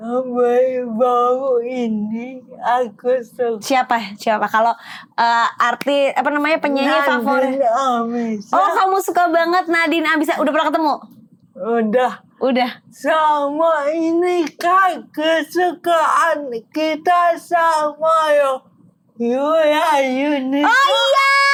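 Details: Adult woman with cerebral palsy, with gross and fine motor limitations; dysarthria.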